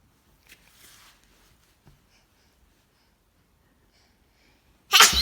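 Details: A child's sneeze, whether real or not is questioned: a quiet pause, then one sudden, explosive sneeze at the end.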